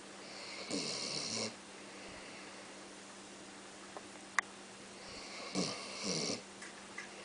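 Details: Male occasionally snoring in his sleep: two soft, raspy snoring breaths about five seconds apart over a steady background hum; ordinary snoring.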